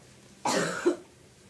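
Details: Boston Terrier reverse sneezing episode (brachycephalic breathing spasm), beginning after licking his snout: a single harsh, snorting burst of air.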